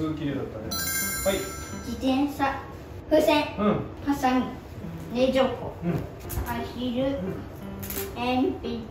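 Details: Boy of about 7 in second grade, with delayed speech since birth and speech therapy since kindergarten, at his exit articulation test; sa-shi-su-se sounds now produced, but some words are still mispronounced, such as 'semi' coming out near 'shumi'; speech sound disorder (articulation disorder).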